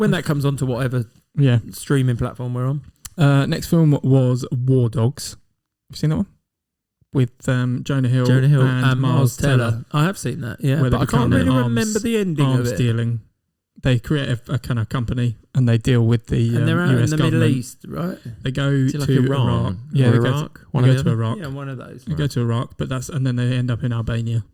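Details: Adult men in conversation; normal voice.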